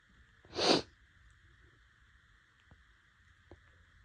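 One short, sharp sneeze, then quiet with faint room noise.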